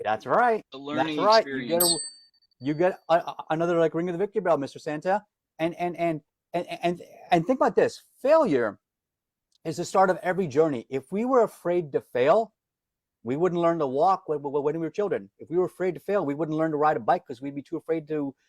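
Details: Adult man, self-described lifelong stutterer, reports daily disfluency, can hide it when singing as a classically trained opera singer; word repetitions heard; stuttering.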